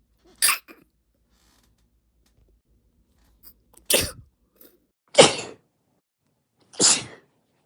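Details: Stifled sneezing from a recording labelled (F): four sharp, hissing bursts a few seconds apart, a muffled held-in sneeze followed by forceful nose blows.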